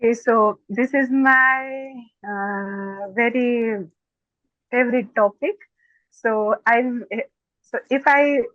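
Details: Stuttering in an adult woman who is a doctor; stuttering.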